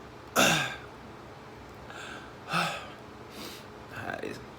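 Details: End of a choking spasm brought on by persistent hiccups: harsh throat-clearing and gasping bursts with pauses as breathing recovers. The spasms happen most days, sometimes 2–3 times daily. Throat clearing.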